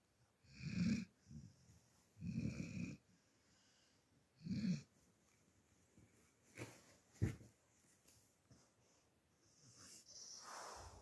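Deep, rough snores come in three clear bursts, followed by snorts and shuffling noises.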